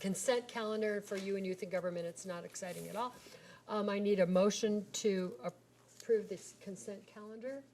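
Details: Adult woman speaking; Normal speech.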